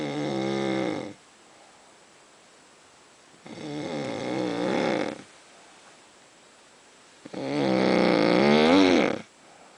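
Three loud, buzzing, vibrating snores about three seconds apart with quiet pauses between; snoring at roughly 18 breaths a minute.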